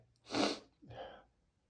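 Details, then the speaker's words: Man on a rough allergy day, sneezy for weeks, possibly dust: one explosive sneeze then a softer breathy exhale or second burst, amid an intense rapid sneezing fit of 60+ sneezes; sneezing. "I wake up and I instantly start steing up a storm. [snorts and gasps] I don't know if it's dust or something else, but I already cleaned my room at the house [snorts] so many times."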